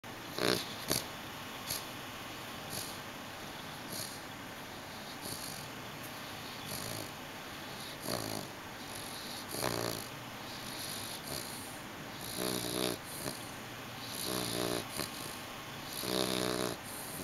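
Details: Sleeping dog snoring: soft, irregular snores and snorting breaths, with faint rattling on some breaths, in a quiet room. Snoring.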